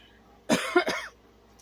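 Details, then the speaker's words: An adult woman, recently back in the ER, gives a short run of two or three quick, harsh coughs in a quiet room; she says she cannot stop the coughing. "Um, I have been in the ER again and um, you're going to hear the coughing and that's not something that I can stop or anything."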